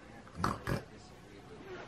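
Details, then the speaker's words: Tired pet dog making two short, harsh nasal snorts, the pig-like noises she makes when tired; described as fit and healthy, and she also snores when sleeping. "she makes such cute little like noises when she's tired you do it what was that you do the noise"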